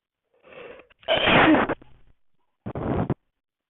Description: Sneezing just for you .